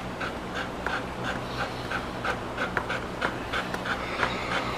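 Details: Fast, steady panting at about 180 breaths a minute over a low hum: heavy panting in a Labrador Retriever with canine epilepsy since puppyhood, after a seizure, his second this month.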